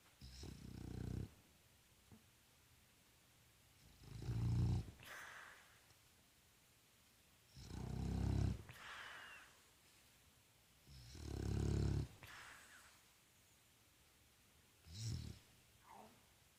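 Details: Boston terrier snoring: deep, snorting snores on each breath, about 17 a minute, with quiet pauses between; owner says he usually snores much louder than this.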